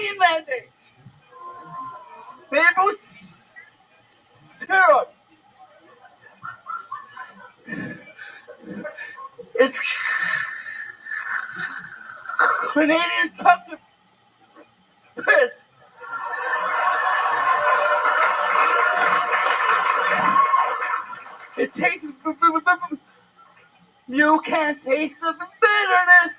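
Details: Stuttering in an adult male comedian performing stand-up; the host says his stutter was extra thick that night.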